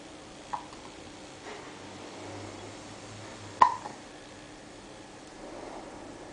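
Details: Samuel, a 7-week-old baby, has the hiccups; infant hiccups.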